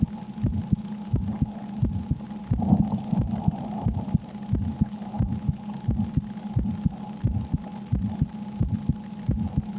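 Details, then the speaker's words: Presenter's own heartbeat recorded at rest before playing a horror game: quick, regular lub-dub normal heart sounds at about 90 per minute over a steady hum. "Please let me know if the sound is okay for you, if you're hearing my heart."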